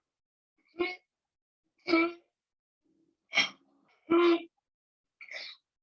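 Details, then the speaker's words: Infant with pertussis: run of harsh, voiced paroxysmal coughs with brief gasping breaths between them, typical whooping cough paroxysm. "Y aquí les traigo un video para que vean un poco de la tos clásica que les he descrito, y de cómo son los paroxismos, y también quiero que vean bastante como cuánto duran, ¿verdad?"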